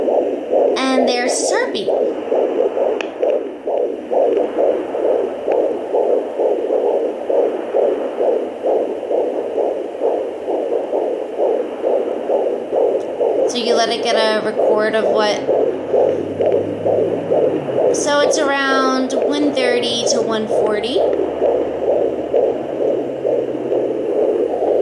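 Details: Fetal heartbeat at 22 weeks of pregnancy via home pocket Doppler with gel on the lower belly: fast, steady whooshing at about 130 to 140 beats a minute, read as 140, normal rate.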